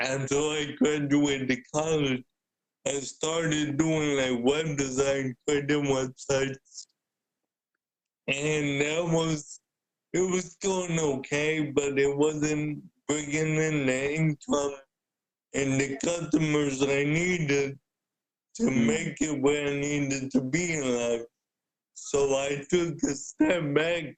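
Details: Dysarthria in an adult man with cerebral palsy since birth who uses a wheelchair; speaking is noted to be hard for him.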